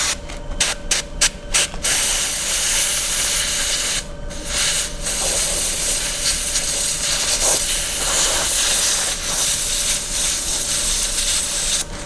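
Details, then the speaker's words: Teaching demonstration of a Class II composite filling, paper towel in the throat, suction not used: bursts of clicking, then a sustained hissing spray from a dental air-water syringe rinsing the tooth. "Paper towel in the throat, and then get a little water spray."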